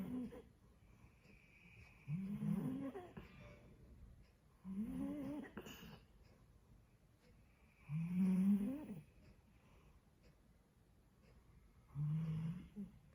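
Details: Sleeping Labrador dog snoring with regular low, rumbling breaths, about 18 a minute; snoring.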